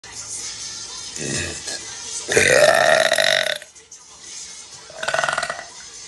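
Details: Girl burping on a live stream: a loud, drawn-out voiced burp mid-clip and a shorter one near the end, over background music and room noise.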